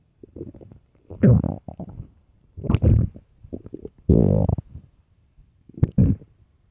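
Loud, deep, irregular gurgling growls in several bursts, typical bowel sounds of an empty stomach.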